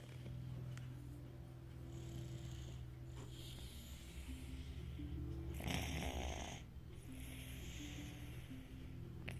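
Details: Snoring: steady, low, rumbling snoring with one louder, rough snore midway, and soft music in the background.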